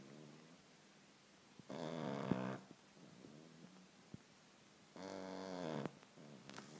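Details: Snoring from a dog that snores like a human: two loud, rough, buzzing snores on breathing in, about 3 seconds apart, with quiet breathing between; typical snoring.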